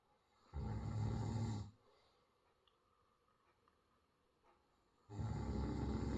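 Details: Snoring during sleep: loud, low, rattling snores on the in-breath, with long quiet gaps between them.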